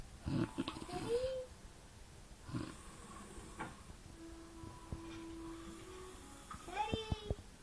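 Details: Sleeping dog snoring: rough, low rattling breath noises over a couple of cycles, with faint whistly and squeaky sounds in a quiet room.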